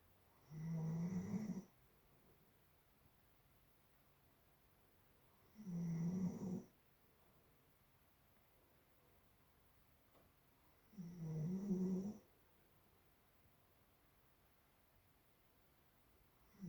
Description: Doodle snoring